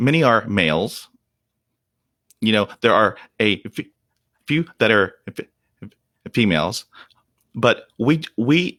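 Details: Real, unedited speech of an adult man who stutters. Onset was at age five, when shock/trauma from a German Shepherd attack dropped his fluency to 0%. He reports blocks in which he turns red and stops breathing. Stuttering.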